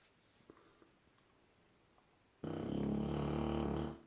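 After a quiet stretch, a loud, buzzing, rattling snore on one long breath, steady and drill-like.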